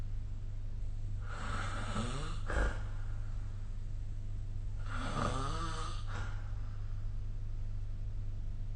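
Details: Snoring recorded with the SnoreLab phone app during sleep: two long, rough, fluttering snores with quiet breathing between, over a steady low room hum.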